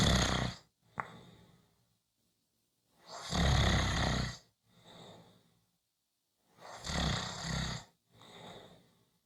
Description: Short snoring Clip, come back on Friday for a longer snoring audio.